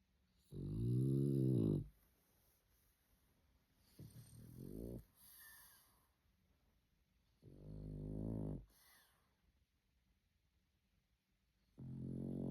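Repeated deep, rattling snores with softer snuffling breaths between them, about one every four seconds; a dog snoring in sleep.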